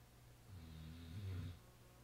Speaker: He wakes up out of his snoring position.